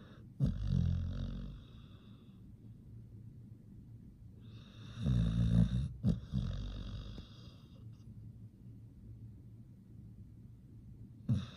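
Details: Sleeping pit bull snoring: loud, rough bursts with low rattling inhalations separated by quiet pauses; ordinary snoring.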